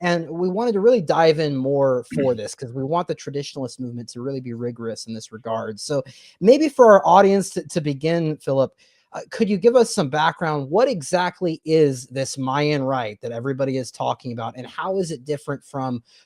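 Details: Adult male speaker; normal voice.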